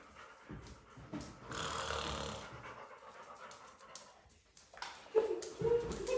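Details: Person snoring with pet dogs (German Shepherd and Labrador) reacting: rough, rattling snoring breaths mixed with dog sounds and snuffling in a small room.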